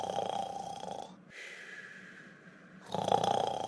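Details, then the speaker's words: Cartoon character Iris snoring in a simulated, acted cartoon snore: a buzzy, nasal rattle, a brief whistling breath out, then the rattling snore again. "Iris, stop snoring. Sorry."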